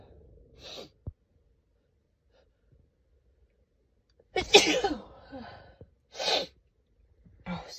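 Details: Woman's allergy sneezes, mostly from dust allergy, from a compilation of mostly single sneezes: several sharp sneezes, each with a quick indrawn breath before the burst, in a quiet room.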